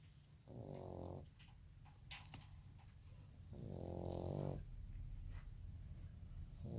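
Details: French bulldog puppy snoring while asleep, exhausted after a long walk: loud, low, rattling snores on each breath, with soft snorting between.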